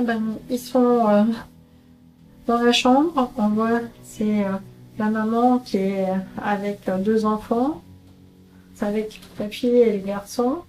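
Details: 48-year-old woman with semantic variant primary progressive aphasia, a rare disease related to Alzheimer's, with difficulty naming objects and animals and understanding spoken messages, describing a picture at her annual follow-up consultation.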